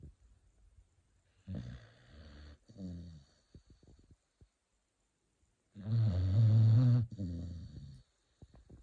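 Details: Sleeping beagle: low, rumbling snores in several rough bursts with quiet pauses between breaths; dog snoring.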